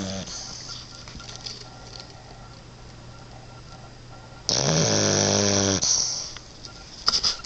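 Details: One loud, rough, buzzing snore from a sleeping small boxer puppy over a steady room hum; puppy snoring.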